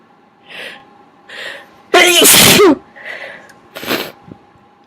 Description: I've sneezed so much, my inducing method isn't working as well, but I still managed to get some out, and boy were they big!